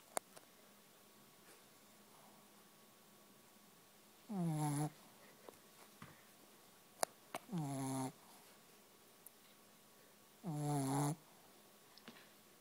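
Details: Willow, very tired after a play date, snoring while asleep: three rough, buzzing snores at about 19 breaths a minute in a quiet room.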